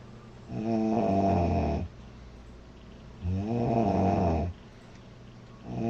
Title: Loud girl snoring July 05 2017